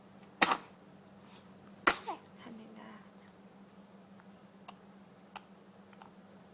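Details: Infant sneezing: two sharp, hissing sneezes about a second and a half apart, followed by a brief soft whimper and crying.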